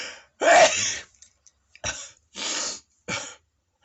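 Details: A comedian's loud, dramatic sneezing in Japan: one loud, explosive burst followed by three shorter, forceful bursts, fitting a run of sneezes.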